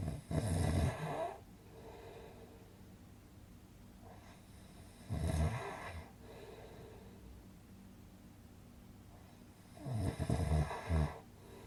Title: Relaxing snoring sound effect - Good for Sleeping